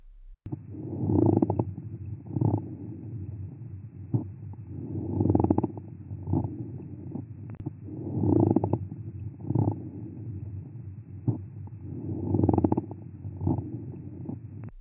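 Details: Pleural friction rub, a lung sound from a lung sound identification quiz.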